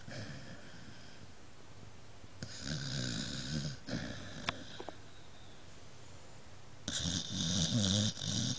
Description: Gilbert loves to sleep. He is no longer allowed in bed because he snores too much - TOO LOUD.